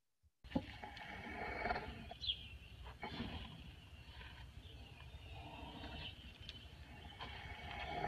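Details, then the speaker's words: Deep, rumbling snoring breaths over outdoor background noise from a zoo rhino, recorded on a phone as she lay napping, relaxed, beside keepers after an encounter; ordinary snoring. "this um was a little video clip i got on my phone of louise snoring um so after an encounter she decided to lay down and take a nap"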